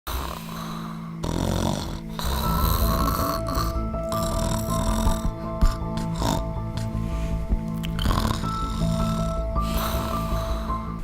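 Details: Snoring, presented as a symptom of sleep apnea.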